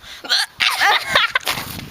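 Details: A sudden sharp voiced catch followed by brief vocal sounds, from a person with hiccups being filmed; the hiccups later stop: hiccups.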